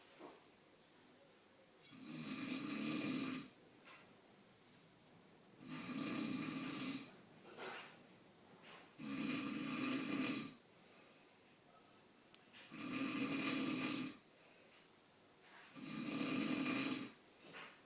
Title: Dad snoring